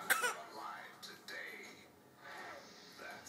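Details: A child practising coughing: one short, deliberate cough, then soft playful voice sounds including a "demon" noise; an intentional cough while trying out sounds, not illness.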